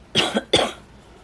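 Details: Two short, harsh coughs in quick succession from an adult woman with chronic asthma, sitting up during a flare amid smoke in the air and hoarse, near-lost voice.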